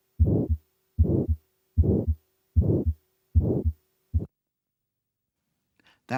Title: aortic stenosis sound Auscultation of heart aortic valve sound